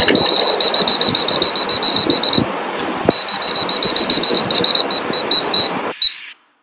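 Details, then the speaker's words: Endo Pilot endodontic motor running rotary file instrumentation with its integrated apex locator on, lip clip on oral mucosa and no predetermined working length: rapid high-pitched beeping over motor whir, pace changing before stopping, signalling file depth. "so you can see the rotary file in action with integrated epics locator on"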